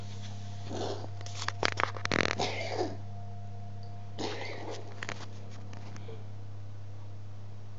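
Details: Tom, a cat, with a recurring cough for ages, now almost daily: two bouts of harsh, hacking bursts over a steady low hum; cause unknown to the owner.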